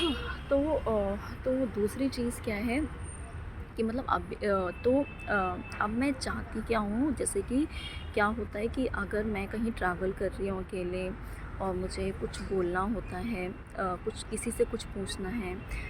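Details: Adult woman with stammering since school, with blocks, sometimes severe and sometimes mild, speaking Hindi; stuttering.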